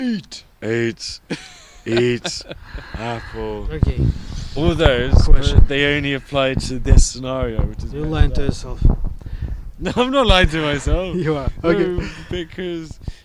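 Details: Adult who stutters, reporting months of bad speech days with blocks; stuttering.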